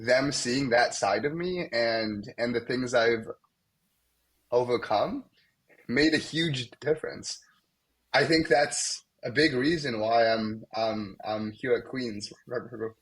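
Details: Young adult male medical student who has stuttered most of his life, with blocks, especially on his name, and sound repetitions; stuttering.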